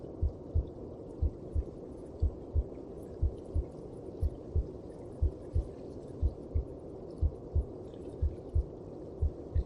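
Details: Maternal heartbeat heard in the mother's belly, as in the womb: even, dull, muffled lub-dub beats near 60 per minute over a steady low whooshing background.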